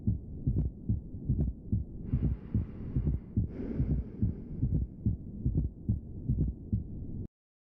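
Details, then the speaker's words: Regular heartbeat near 72 per minute with an extra soft presystolic sound just before S1. The fourth heart sound (S4) sits very close to the first, with a small pause after the second. "el cuarto ruido a diferencia se escucha como si existiera un reforzamiento presistólico existe una pequeña pausa entre el segundo ruido y el cuarto ruido y el cuarto ruido es muy cercano al primero"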